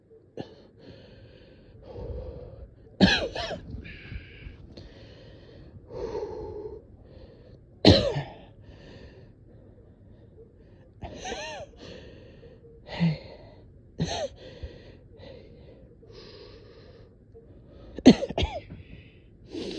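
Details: Coughing with shortness of breath and strained, effortful breaths between single coughs, in someone who has struggled for days to take consistent deep breaths although their oxygen level looks almost decent.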